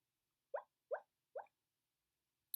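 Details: Tourette syndrome in a woman with dissociative identity disorder; her own tic, a noise sounding like a guinea pig in the background; vocal tic.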